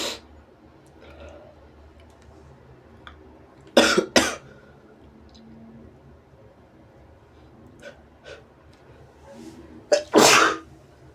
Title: Sneezes & Noseblows